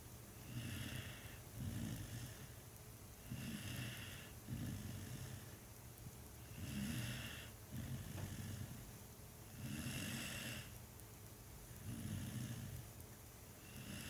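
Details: Sleeping dog snoring contentedly: regular low rattling snores on each breath, about 17 a minute, with a hissing exhale between.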